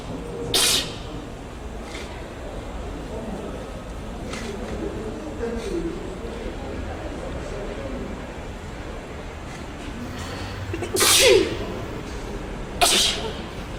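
Several abrupt, explosive bursts over steady background noise, consistent with repeated sneezes.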